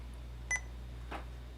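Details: IV infusion pump during a hot-swap demonstration: a single short electronic keypad beep, then a faint click, as a rate of 10 mL/min and 100 mL volume to infuse are entered. Quiet room.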